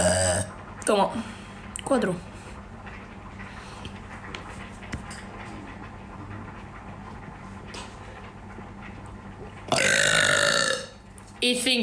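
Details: Loud, long, voice-like rumbling belches separated by room noise and music, during a burping competition match; deliberate competitive burping.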